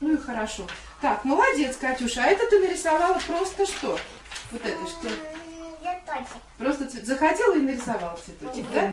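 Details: Adult woman talking with a young child, possibly with the child's brief reply; ordinary speech.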